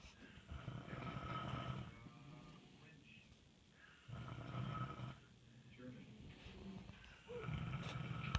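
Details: Adult man (husband) snoring during sleep: deep, rattling snores repeating with each breath, separated by quieter pauses.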